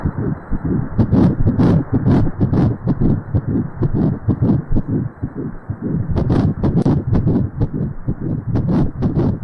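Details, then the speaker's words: Fetal heartbeat on Doppler, played at a pro-life talk: rapid, regular whooshing pulses, about 130 beats a minute. "그럼 지금 이제 태아 심장 박동 소리를 한번 들어보도록 하겠습니다."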